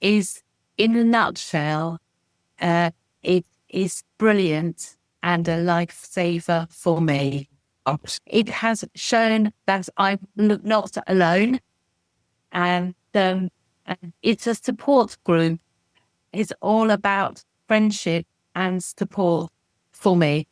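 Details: Adult woman with expressive aphasia after a stroke in 2018: expressive aphasia.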